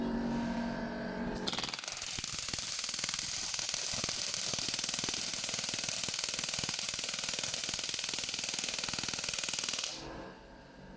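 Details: Portable 2-in-1 shockwave/laser therapy unit with adjustable energy and frequency: its pneumatic shockwave handpiece is started and fires rapid, steady mechanical rattling pulses, about four per second, starting abruptly and stopping after eight seconds.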